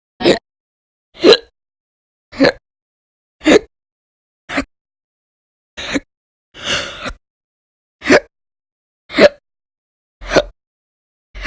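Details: Audio-only recording of persistent hiccups described as violent and loud, in a January 2020 series after bouts lasting many hours a day in late December 2019: short, sharp, abrupt gasping bursts about once a second, roughly 54 a minute.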